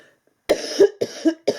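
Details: Three quick, harsh coughs from an adult in a small room: a lingering cough after a respiratory illness that blocked nasal breathing and disturbed sleep, with recovery slowed by an underlying autoimmune disease.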